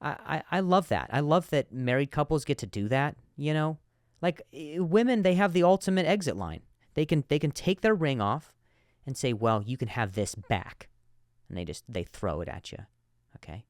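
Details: Male comedian hosting a podcast whose name implies a stutter, though a stutter is not otherwise stated here; stuttering.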